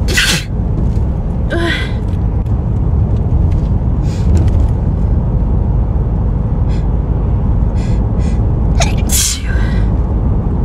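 Several explosive sneezes with gasping breaths between, over steady low rumble; repeated hay fever sneezing.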